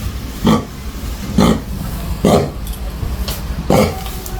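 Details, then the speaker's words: Dog with cough on antibiotic and cough medicine from the vet, giving four harsh, honking coughs with a gagging edge; kennel cough. "so ito yung ubo niya guys pakinggan"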